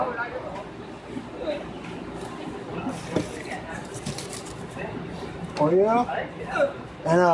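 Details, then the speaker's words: An adult woman at a fast-food drive-thru, apologizing for having the hiccups, gives several abrupt voiced hiccup gulps, some with a brief squeak, amid restaurant chatter and background noise. "Oh, sorry. I got the hiccups. Sorry about"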